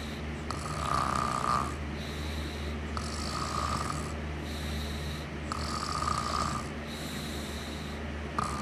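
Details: Rhythmic snoring, about 23 breaths a minute, with a rattling buzz on each in-breath and a softer whistling out-breath over a steady low hum.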